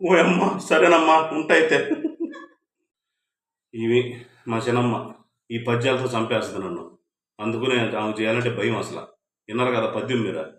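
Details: Adult man, speech; no disorder.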